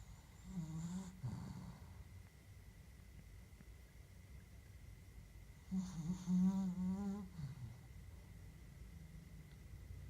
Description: Very cute snoring dachshund